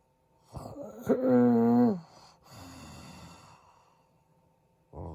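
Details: Adult man (husband) snoring during sleep: a snorting intake, then a loud buzzing, groan-like snore and a softer noisy breath out over faint room hum; tags mention sleep apnea and stopping breathing.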